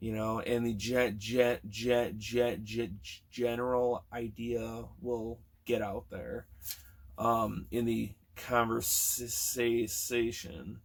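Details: Man almost 40 who has stuttered since kindergarten or first grade, with repetitions, prolongations and blocks, especially on words starting with s and t, plus filler words and word switching; stuttering.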